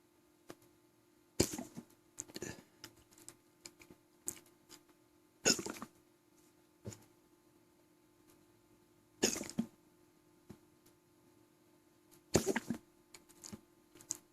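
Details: Repeated hiccups after eating about three quarters of a large, thick homemade pizza until stuffed, then chugging water: about five abrupt, irregular bursts in fourteen seconds with small clicks between them, in a quiet room.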